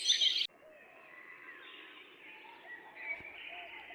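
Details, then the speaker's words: Simulation of birdsong on a summer walk: bright birdsong abruptly turns muffled and dull as heard with mild high-frequency hearing loss, dampening high-pitched sounds. "someone with mild high-frequency hearing loss would hear this"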